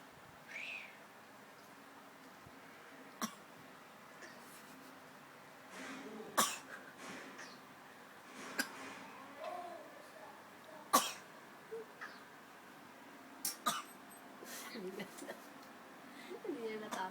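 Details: Several short, sharp, dry cough bursts from cats, scattered irregularly through a quiet room; cat coughing.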